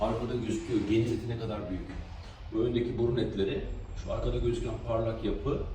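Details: 8-year-old boy with enlarged adenoids and tonsils, plus middle-ear fluid and hearing loss, speaking in a muffled way; hypernasal speech.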